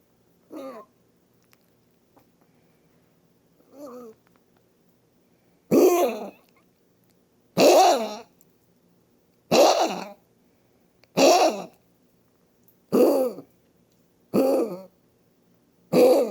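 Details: Female Maltese dog, 14 years old, with end-stage chronic mitral valve disease on multiple cardiac drugs and codeine: a run of short, harsh honking coughs typical of cardiac cough.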